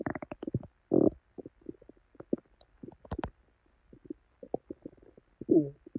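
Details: Person's belly after drinking probably expired milk, with very bad diarrhea: repeated gurgling, rumbling bursts; loud, active bowel sounds, borborygmi, with stomach upset.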